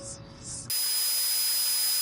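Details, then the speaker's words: Tinnitus simulation: steady high-pitched ringing tones over a constant hiss. This imitates the continuous ringing a man has felt in his left ear for almost six months. "Sound मुझे हर वक्त जो feel होती है almost six month हो चुके हैं इसको feel करते हुए"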